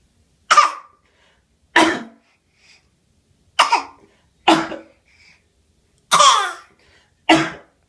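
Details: Infant making six short, separate cough-like bursts on purpose rather than from illness: voluntary (fake) cough.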